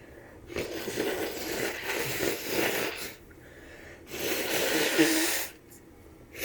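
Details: Adult with the flu: two long, noisy, forceful bursts of air through the nose, sneezes or nose blows; sneezing.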